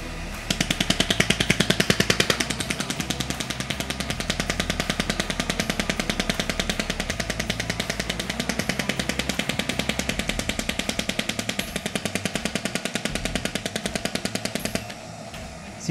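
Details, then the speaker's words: Rapid, steady clicking pulses at about 200 a minute: a Kinewave Black shockwave therapy unit firing treatment shots through an applicator on gel-covered skin once started. "Una vez que está programado el equipo, colocamos play y comenzarán los disparos en el equipo."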